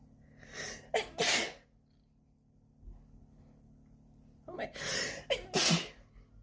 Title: Natural sneezing fit from allergies